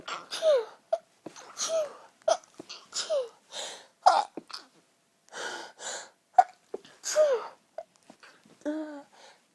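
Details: Trying to hold back a sneezing fit: repeated squeaky gasping build-ups with about six short muffled sneezes before the fit can't be held back; stifled sneezing.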